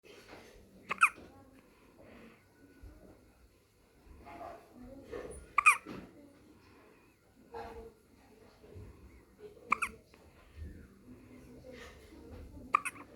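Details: Newborn baby girl with hiccups: sharp, squeaky hic sounds about every three to four seconds, with soft breathing and fussing between.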